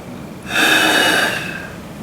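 A strong, rushing breath blown out hard for about a second, then tapering; a forced exhalation for spirometry.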